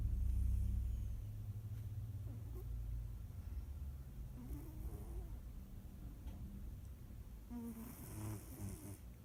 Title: Snoring cat named Charlie